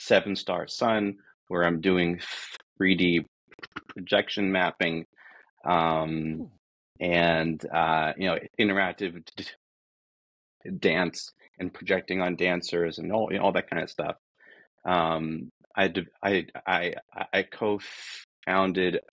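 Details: Adult man who says he is a person who stutters and that this is how he talks, not a recording glitch; this stretch has repeated words; stuttering.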